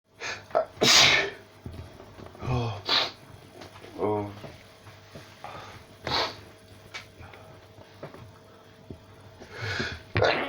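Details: Non-stop sneezing fit lasting about four minutes: rapid run of repeated sneezes with gasping breaths between, roughly five in ten seconds, followed by swearing.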